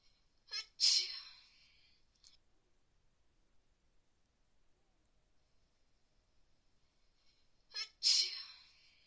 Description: There are more sneezes for the cold I cath in the pool I feel sick and cant stop sneezes